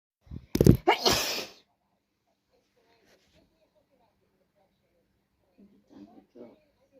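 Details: Non-stop sneezing, owner unsure whether cold or allergies, itchy day with streaming; one forceful sneeze preceded by a quick catch of breath, then quiet room with faint movement: sneeze.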